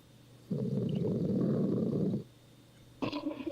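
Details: Adult man asleep after staying up until 4 a.m., one long, loud, rough, low rattling breath of nearly two seconds, then brief quiet before the next noisy breath; snoring, with sleep apnea suspected by an onlooker.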